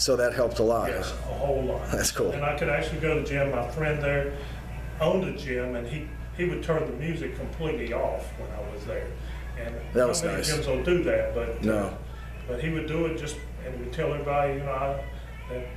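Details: Aphasia in a man after a massive stroke at age 48. He was once unable to talk at all and needed eight months of daily therapy to speak. He still can't say many things right.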